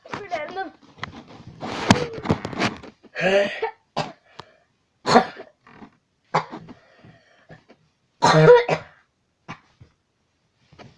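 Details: Child has a prolonged coughing fit, with repeated harsh coughing bursts and throat clearing between them.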